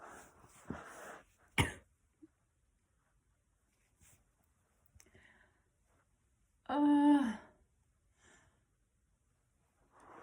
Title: Girl sneezing a lot